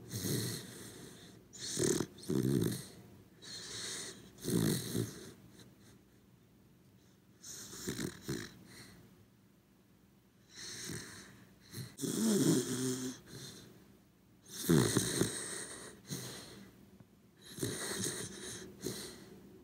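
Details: Corgi dog asleep, snoring softly with snorting breaths about every two to three seconds; ordinary sleep snoring.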